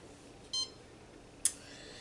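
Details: Single short high electronic beep, then a click, from a home portable infusion pump after a new IV antibiotic bag is attached and the reservoir volume is reset, prompting the user to start the pump.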